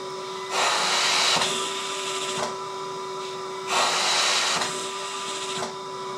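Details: Comfort Cough II mechanical insufflation-exsufflation (cough assist) device running after setting flow level, inhale/exhale times and oscillation: rhythmic rushing airflow rising and falling over a steady motor tone in alternating pressure cycles.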